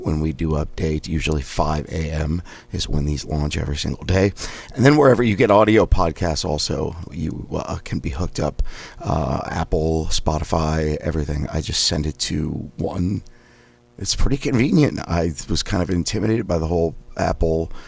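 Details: Adult male with spasmodic dysphonia and a suspected third vocal fold polyp (two previous), with raspiness, during daily voice exercises possibly using a Forbrain device; spasmodic dysphonia.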